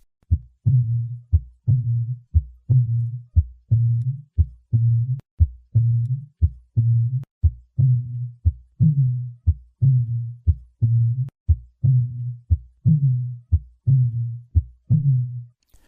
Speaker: Rupture of an aortic cusp can result in a couping dove murmur. This type of murmur has a unique auditory signature.